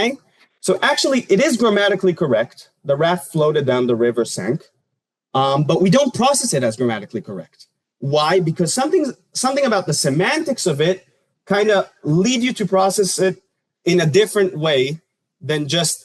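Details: Adult lecturer; Normal fluent speech.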